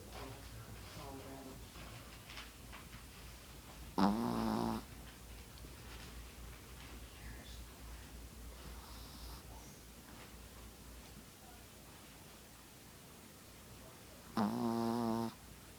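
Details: Sleeping puppy snoring, described as a sound sleeper: two loud, short, rattling snorts about ten seconds apart over quiet room noise.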